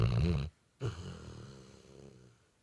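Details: Dog very comfortable and sound asleep: one deep, rumbling snore, then a short pause and a softer, fading breath out; snoring.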